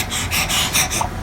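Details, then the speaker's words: Panting of an infant who is too hot, with visible heat rash: short, breathy, airy 'h'-like panting puffs with no clear voiced cry. "더울 때 소리 그죠 아까 헐떡거리면서 h 발음이 있다고 했는데 얘는 확실히 h 발음이 있죠"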